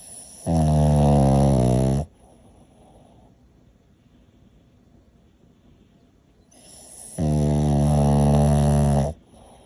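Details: Pug dog snoring: two loud, long, rattling snores with a quiet pause between them; heavy snoring.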